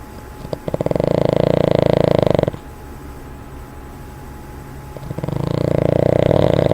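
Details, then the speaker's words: Boston Terrier dog snoring, later snorting when woken: two long fluttering, rattling breaths with a quiet pause between; loud vibrating snoring. "Ben. Ben, what are you doing? Ben, are you snoring?"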